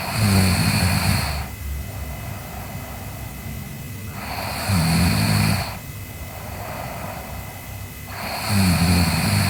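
Deep rumbling snores on each in-breath, roughly every four seconds, about 15 breaths a minute, with a steady background hum; ordinary snoring.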